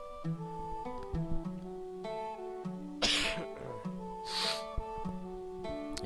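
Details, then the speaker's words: Two sharp nasal sniffs from an adult who has been sick for a week with a stuck nose and coughing, over steady background game music: sniffing from nasal congestion. "sorry, I'm sniffing and coughing a bit. I've been sick for a week, so yeah."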